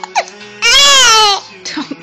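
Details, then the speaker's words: Infant with hiccups, pushing with strong legs, gives a sustained high-pitched wail with quieter fussing around it, while an adult soothes; faint background music. "don't cry it's just the his you smile smile pushing you got some strong legs"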